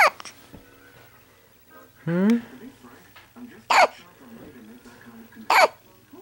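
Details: Infant boy with morning hiccups, May 2010: sharp, abrupt hiccup sounds roughly every two seconds, with a brief voiced coo and quiet room noise.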